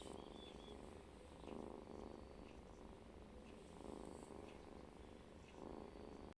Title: Original Sound of cat Snoring